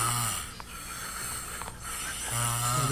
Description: My son snoring rumbling wAlls